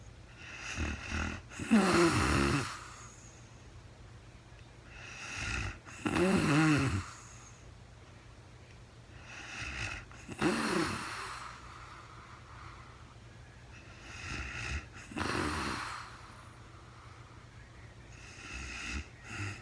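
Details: Real-time overnight recording of a very tired sleeping woman: loud rattling snores on each breath in, about 14 a minute, with quiet breathing between; snoring during sleep.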